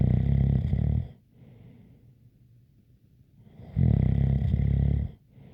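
Loud, low rattling snores on each breath in, with a faint whistle above the rumble and quiet breathing between; snoring.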